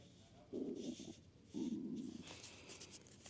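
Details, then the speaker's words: Stomach growling while recording; borborygmi. "Not my stomach growling while recording. I hope y'all can't hear that."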